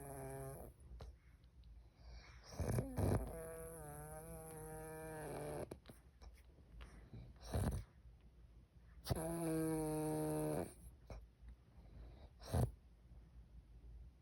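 Long, deep, buzzing snores on each breath in, about two breath cycles in fourteen seconds; typical loud snoring.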